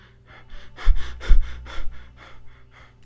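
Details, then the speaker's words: Cheyne-Stokes breathing demonstration: quick breaths swelling in loudness then fading toward silence, waxing and waning between apneic pauses; pattern linked to cardiac damage, seen mainly in deep sleep or coma. "Shane Stark's breathing pattern is described as a period of apnea followed by gradual increase and decrease and another episode of apnea. And here's how it sounds like."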